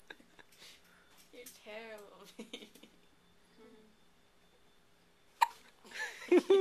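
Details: Hiccups: a few abrupt, sharp hiccup sounds among voiced vocal noises in a quiet room; hiccups.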